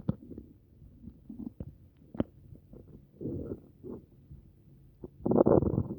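Irregular gurgles, squelches and low rumbles with a longer gurgling run at the end; active bowel sounds of an upset stomach.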